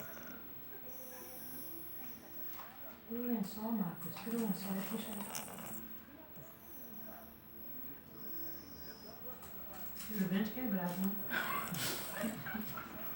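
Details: A sleeping cat snoring: soft, rapid snuffling snore sounds, with quiet voices nearby.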